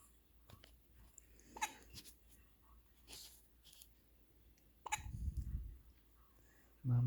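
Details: Four-day-old infant; quiet room with a few brief, abrupt little catches spaced seconds apart; infant hiccups.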